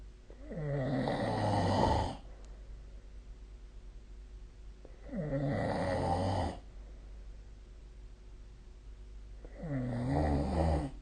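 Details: Nightly sleep snoring recorded with the SnoreLab snoring app: loud, rough snores on each breath in, about 14 a minute, with quiet breathing between during sleep.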